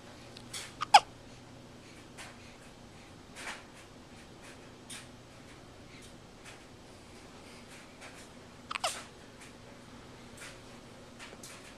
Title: 8/24/10 - A Case of the Hiccups